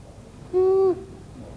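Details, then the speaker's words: Sick child aged 2 months to 5 years, WHO IMCI training example: a single brief, harsh, high-pitched crowing noise on breathing in, stridor from a narrowed upper airway. "next look and listen for stridor stridor is a harsh noise made when the child is breathing in it sounds like this"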